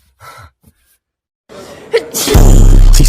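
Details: A person sneezes during a dance-song clip with music playing: a sneeze.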